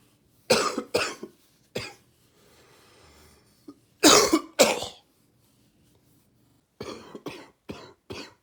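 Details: A person with a cold at the end of summer or start of fall: wet, gaggy cough.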